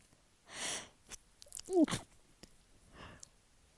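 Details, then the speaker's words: Soft sniffs and breathy bursts, then one muffled sneeze. The sneeze was deliberately induced with chhinkni sneezing powder and a rolled-up tissue, with a barely-there tickle mostly in the right side of a stuffy nose. "I'm gonna take rolled up tissue and try to induce again with the little bit of chinkany that's still left. It's like that annoying tickle where it's like barely a tickle."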